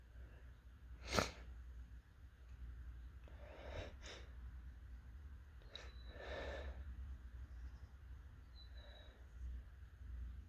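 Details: Strong, desperate sneezing: a sharp, explosive sneeze, then heavy breaths and further sneeze-like bursts over a low room rumble; repeated sneezing.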